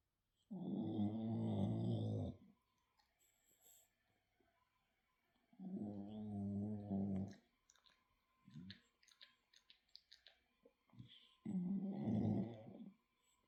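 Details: Female dog snoring while asleep, loud rumbling bursts about eleven times a minute; she snores constantly when sleeping. Finding: snoring.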